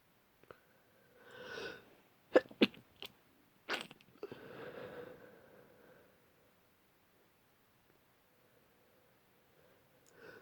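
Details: Adult with a cold and blocked nose: a gasping wind-up, several sharp explosive sneezes, then a long, weary, groaning breath out; repeated exhausted sneezing.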